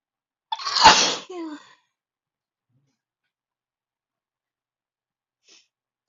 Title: desperate sneezing fit at my desk